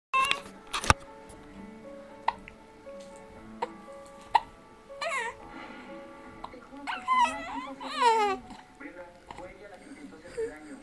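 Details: About 3-month-old baby boy with hiccups: short sharp hiccup catches recur every second or two, then fussy crying, with soft music behind; infant hiccups.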